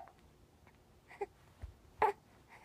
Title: Hiccups on hiccups on hiccups